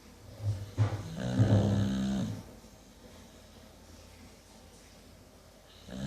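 A deep, rumbling snore on an in-breath, followed by quiet breathing; ordinary snoring in a sleeping dog.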